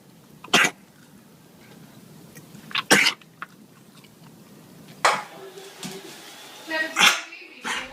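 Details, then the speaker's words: Dog with kennel cough (canine infectious respiratory disease complex) during a community outbreak, giving several harsh, dry, hacking coughs with throat-clearing sounds; contagious, self-limiting persistent dry cough after exposure to other dogs. "So again, usually kennel cough is a dry, persistent cough, very contagious that dogs get after being exposed to other dogs."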